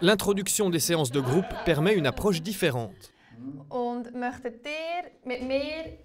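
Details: Adult woman speaking French, possibly a second voice after the pause; ordinary speech.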